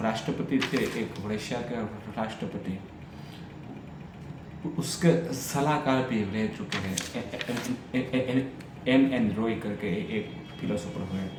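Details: Adult man who stammers, on Day 6 of a daily stammering practice routine, reading a story aloud in Hindi, with audible repetitions and revisions; stuttering.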